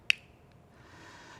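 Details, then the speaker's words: A single sharp click as the white Neohaler dry-powder inhaler mouthpiece snaps shut over the capsule placed in the center chamber. "Now you want to take the capsule and place it into the center chamber and close the white mouthpiece until you hear a click."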